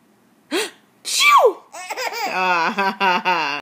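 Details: Sneezing: a short sneeze, then a sharp rising-falling burst, followed by giggling laughter; ordinary sneezes followed by laughing.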